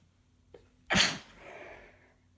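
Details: A short breath in, then one sharp, forceful sneeze with a brief wet trailing exhale, from a congested, snotty person a few days into a head cold with repeated sneezing fits; sneeze.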